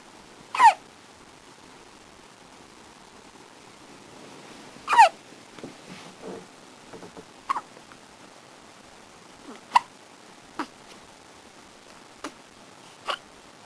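Short sharp hiccups in a quiet room, about eight over fourteen seconds, some louder than others.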